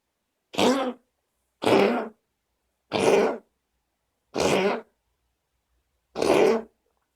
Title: cough